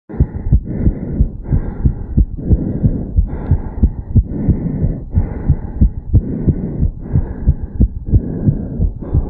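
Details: 34-year-old male after a quick morning jog, stethoscope at the mitral area: rapid, regular lub-dub heart sounds with strong thumps and some stethoscope rubbing noise; fast heartbeat after exercise.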